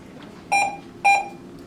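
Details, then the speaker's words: Infusion pump during stroke tPA administration: two short, clear electronic beeps as the one-minute bolus finishes and the pump switches to the continuous rate of 45 mL over one hour. "our bolus is done and now it's kicking over to our rate and telling us that our volume to be infused now is 45 which is correct"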